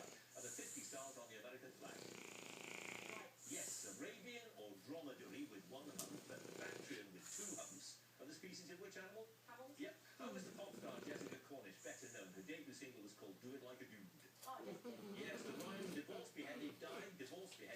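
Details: Irregular rattling, snorting snores over steady room hum from Sid, a French bulldog, who snores himself awake.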